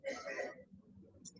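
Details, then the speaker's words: An adult woman coughing heavily and harshly. "Hear that lady coughing? That's going to be you."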